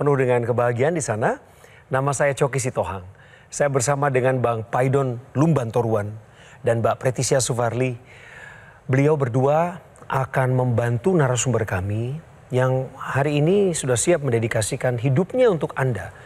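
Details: Adult male television host; typical speech.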